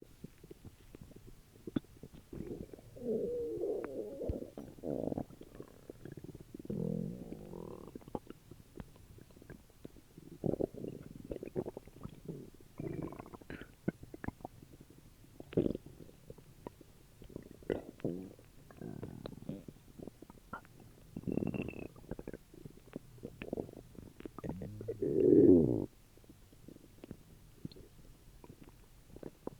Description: My tummy was making some weird noises after dinner over six years ago